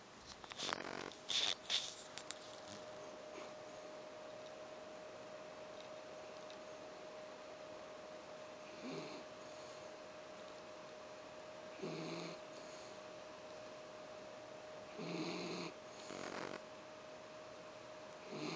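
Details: A small Silky Terrier dog asleep: intermittent nasal snoring breaths every few seconds, with a steady background hum and a few sharp noises at the start; dog snoring.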